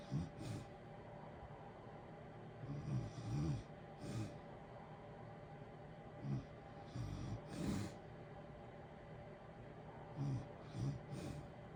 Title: natural snoring ambience with heater white noise in the background blue wavey lights. Sleeping good